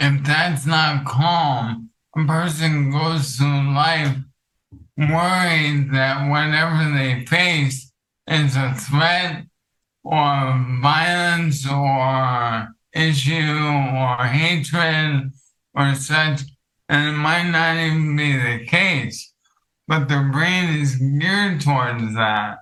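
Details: Adult male with ALS affecting his vocal cords, which makes talking for long periods difficult and has reduced his speech clarity; finding: dysarthria (ALS).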